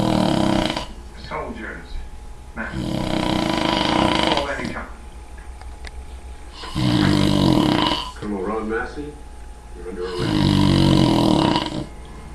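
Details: Husband snoring during an afternoon nap, recorded by his wife: loud, harsh, fluttering snores on each breath in, about four in twelve seconds, with gurgling sounds between; heavy snoring.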